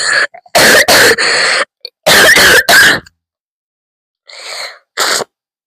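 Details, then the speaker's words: Close-miked coughing ASMR: forceful, harsh coughs in two bursts of about three each, then throat-clearing and a final cough. The cougher coughs so hard they are crying and considers taking cough medicine. "Hi guys, it's ASMR but with coughing coughing coughing coughing. First one of the day."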